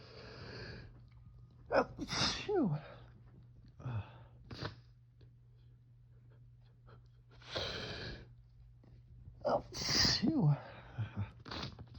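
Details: Fall allergy sneezing just after waking in the morning, tickly nose; suspected ragweed or mold from dead leaves: two bouts, each a sharp inhaled gasp and forceful burst with trailing voiced sound, quiet room.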